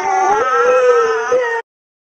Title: Extremely Funny Video of Cute Baby Crying